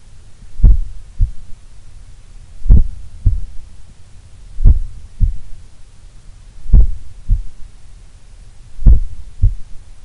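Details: Slow, deep paired low thumps at roughly 29 beats a minute, recorded while relaxing at rest in a sun room, reported as the lowest resting heart rate recorded so far; a relaxed, slow resting heartbeat.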